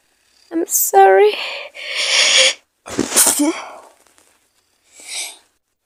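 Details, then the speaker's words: Acted female sneezing, the character saying she has a fever: voiced sneezes in quick succession, a sharp inhalation before the bursts and a softer final sneeze. "sorry. Sorry. Please. I'm sorry missing all over the place. I don't really want you to catch this."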